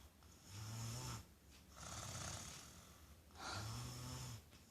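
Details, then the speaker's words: 3-year-old boy snoring in sleep, said to be inherited from his father: rhythmic, low fluttering snores on each in-breath, noisy exhales between, about 25 breaths a minute. "Suara kakak ngorok. Turunan dari ayahnya. Serius ini kakak yang ngorok karena di sini nggak ada siapa-siapa lagi selain kakak."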